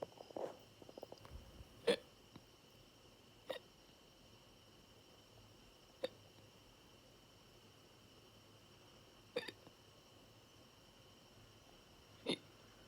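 Brief, sharp hic sounds recur every two to three seconds, five in thirteen seconds, over quiet room noise; ordinary hiccups.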